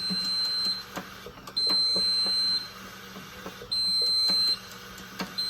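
Three long, steady high-pitched electronic tones with short gaps between them, over faint room noise: a ventilator beeping during settings adjustment.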